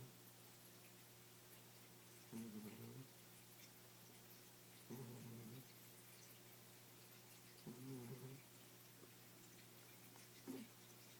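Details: 15-year-old cat snoring while napping, with a water fountain running in the background.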